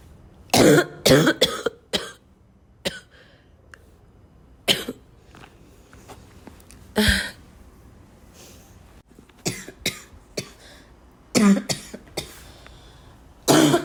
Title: I'm coughing a lot